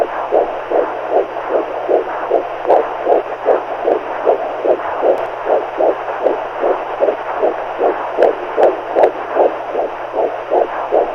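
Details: Steady, evenly spaced soft heartbeat thumps repeating without pause over a constant background hiss, a normal heartbeat used as a baby sleep aid.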